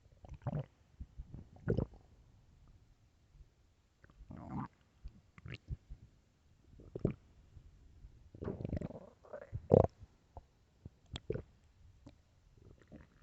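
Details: Irregular gurgles, squelches and low rumbling growls from the belly over a quiet background: loud stomach growling; borborygmi.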